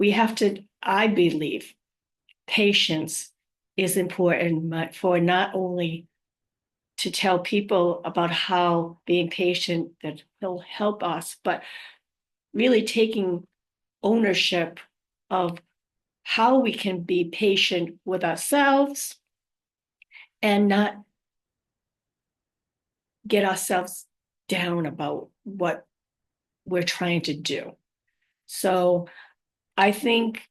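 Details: Adult living with aphasia, apraxia of speech and dysarthria after trauma such as a stroke, with word-finding difficulty; aphasia.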